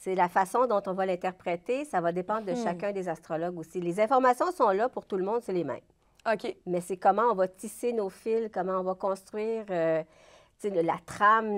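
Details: Adult woman speaking French; normal voice.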